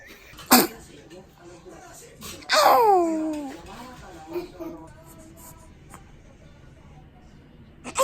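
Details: One-month-old baby boy's sneeze: a sharp burst followed by a small high squeaky cry, then quiet room noise.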